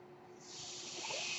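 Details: Airflow of the speaker's own home mechanical ventilator, heard in the background while talking.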